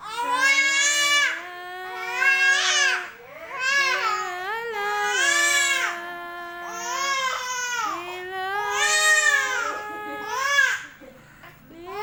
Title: Suara tangis bayi